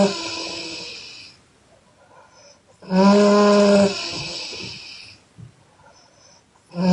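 Loud, harsh snoring with a strong buzzing snore on one breath and noisy breathing around it.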